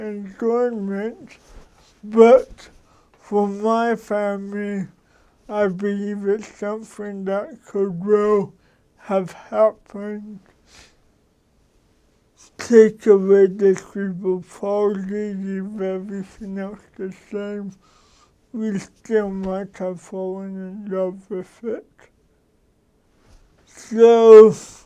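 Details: Dysarthria in an adult man who has lived with cerebral palsy for 53 years; he adjusts his speech so others can understand him.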